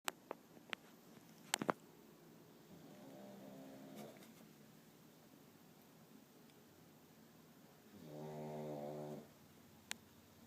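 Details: Dozer sleeping: two slow, buzzing, rattly breath sounds about five seconds apart, with a few clicks between; snoring during sleep.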